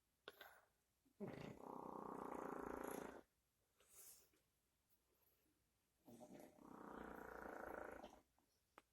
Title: Bulldog Christmas snore